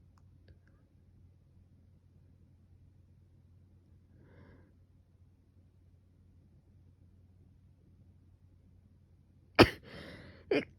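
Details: Person with fever now subsiding and a sore throat from heavy coughing and sneezing; part of the previous day's sneezing fit: after a long quiet stretch, a sudden sharp sneeze burst, a short breathy sound, then a second small burst.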